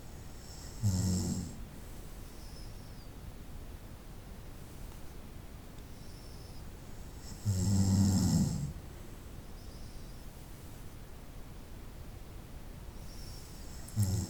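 Loud rough snores on the in-breaths, about every six to seven seconds, with quiet steady noise between; snoring during sleep.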